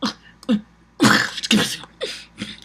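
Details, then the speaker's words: A woman with Tourette syndrome makes abrupt popping, clicking and throat noises without words while explaining verbal tics: vocal tics. "They're categorized in two separate areas. Motor tics, which is motion, and verbal tics, which speaks for itself, noises as like that."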